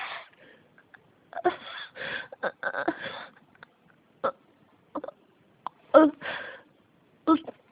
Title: 咳が止まらない 42 cough